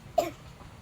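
A child gives one brief, voiced throat-clear, acted as part of a play scene.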